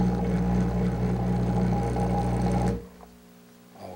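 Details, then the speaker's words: Dental lab vibrator: loud steady mechanical buzzing that stops abruptly, settling spatulated investment around a wax pattern during the hand investing technique for dental gold castings. "so just like the vacuum investing I will use a vibrator in order to bring all this investment down in here accumulated in one"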